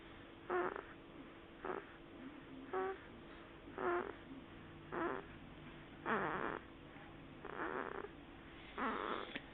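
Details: Short, rough, snorting noises repeat about every second in a quiet room, consistent with a cat snoring in its owner's lap.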